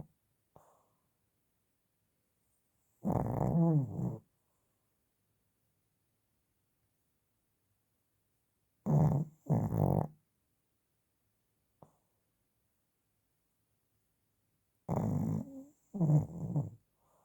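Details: Grandfather snoring: rough, rattling low snores in paired bursts about every six seconds, roughly 10 breaths a minute, with silence between them.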